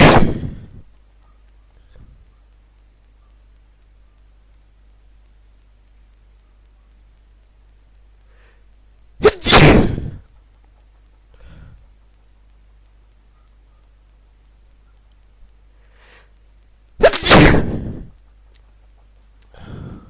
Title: New sneezes